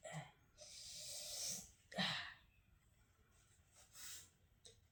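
Two quick sneezes with harsh blasts of air, then softer breathing through the nose; a brief room hum underneath.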